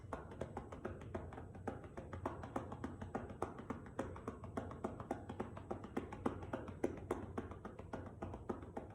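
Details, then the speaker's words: Manual chest percussion with cupped hands over the left lower lobe posterior segment, on a volunteer lying prone with a pillow under the chest, 90-second demonstration: rapid hollow pops at about 214 a minute, popping rather than slapping. "we want strong wrists loose hands so that we can create a popping not a flapping or not a slapping sound on the patient"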